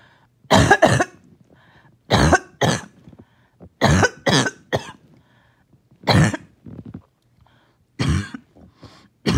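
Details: The first coughing fit of the day: runs of harsh, wet coughs in bursts with pauses as the mucus will not come up; productive coughing fit.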